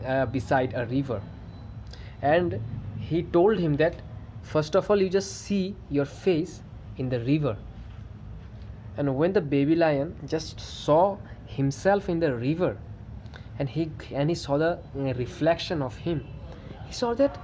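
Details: Adult male who stammers, reporting good days and days of bad stammering, narrating a story; stuttering.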